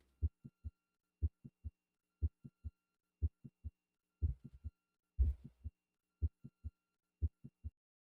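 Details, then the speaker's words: Simulated heart sounds at about 60 a minute with a sharp midsystolic click before the second sound, caused by abrupt tensing of the prolapsing portion of the mitral valve, like a sail popping at full expansion. "This is similar to the popping sound created by a sail or parachute just as it reaches the point of full expansion. This is a graphic example of a midsystolic click followed by an S2."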